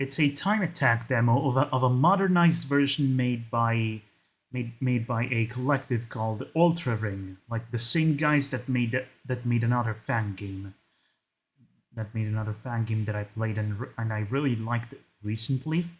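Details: Man who calls his own speech a 'stuttery mess'; many word and phrase repetitions; stuttering.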